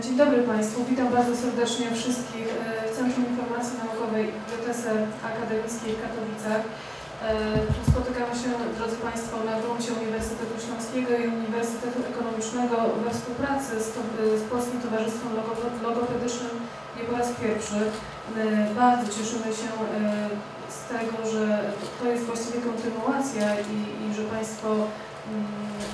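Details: Adult woman; typical speech.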